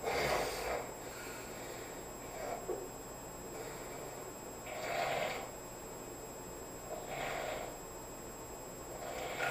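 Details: Adult roommate asleep on a couch: slow, rhythmic snoring at about 13 breaths a minute with a rough rattle on each breath in a quiet room.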